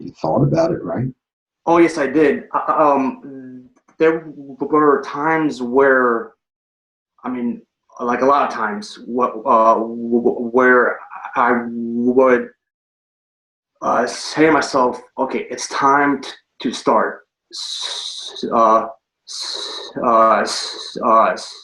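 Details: Adult man and former Marine with stuttering, recorded before starting a stuttering therapy program; stuttering.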